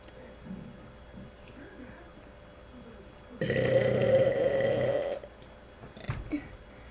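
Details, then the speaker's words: Deliberate loud burp, the first in a series of attempts: one long, rumbling belch lasting nearly two seconds against a quiet room. "Okay, okay, okay. You're going to hear the loudest fart ever. I mean the burp ever."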